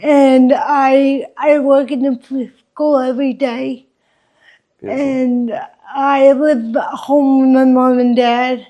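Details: Adult woman with congenital cerebral palsy affecting her walking, face, mouth, drooling and speech; dysarthria (cerebral palsy).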